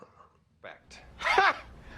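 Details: Single sneeze during a sneezing challenge: a quick in-breath then one sharp, explosive burst.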